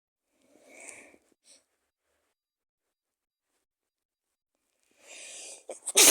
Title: cold sneezes 🤧 first video ever